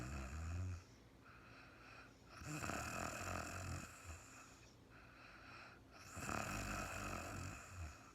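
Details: Real-time recording of an adult woman sleeping after being very tired: two long, rough, rattling snores on the breath in, separated by quieter breathing, in a quiet room; ordinary sleep snoring.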